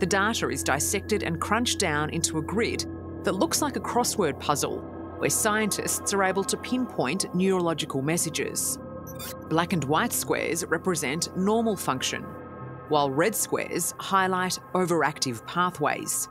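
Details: Adult narrator; normal fluent speech.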